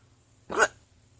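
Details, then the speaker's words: One short, sharp hiccup in a quiet room from a woman during a bout of hiccups that she says stress tends to bring on and prolong. "I had one of my fans say that when he hears my hiccups it makes him want to uh hug me for whatever reason I he feels sorry for me cuz hiccups are so"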